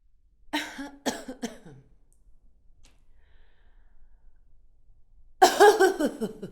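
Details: Adult woman's acted sound-effect cough, sometimes in a funny mood, recorded on a Zoom H5 handheld recorder: three quick coughs, a pause, then a longer burst of coughing.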